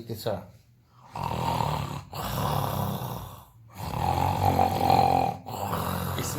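Loud, rough, rattling snores on each breath in, about four in six seconds, with brief quiet gaps between them; typical snoring.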